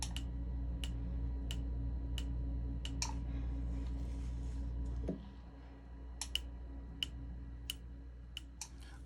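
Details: Q-switched laser removal of eyebrow microblading done about 7 years ago, with pigment migrated: sharp, evenly spaced snapping pulses, about three a second, over a steady machine hum that stops midway.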